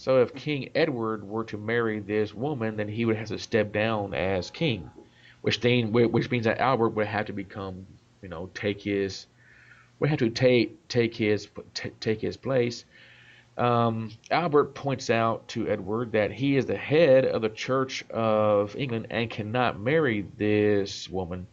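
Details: Adult man, self-described stutterer; part-word and whole-word repetitions; stuttering.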